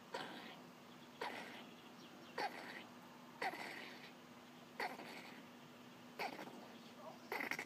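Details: Hedgehog in a garden coughing: six short, sharp, huffing coughs about a second apart, with faint outdoor background noise.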